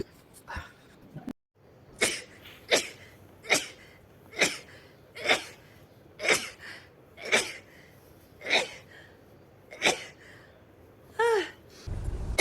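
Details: A woman's rapid sneezing: about ten quick, sharp sneezes roughly one per second, with a brief vocal sound near the end; sneeze.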